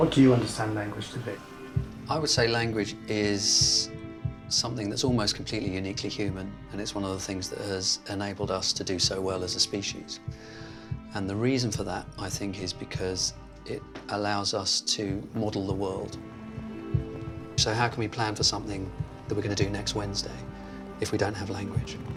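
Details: Adult male speaker in interview, brief question from another voice, background music; normal fluent speech.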